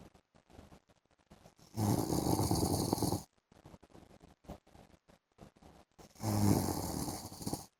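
Two loud rattling snores about four seconds apart, with softer breathing noise between them, roughly 14 breaths a minute: snoring during sleep.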